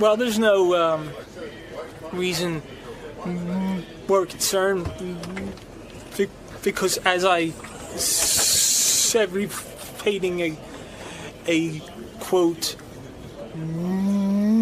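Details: Stuttering in an adult man who says his stuttering comes in ebbs and flows.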